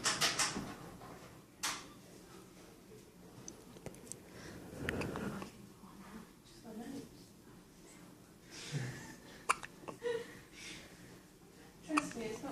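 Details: Three-day-old newborn having hiccups for the first time, with quiet, brief, sharp catches repeating at irregular intervals over soft room noise; hiccups.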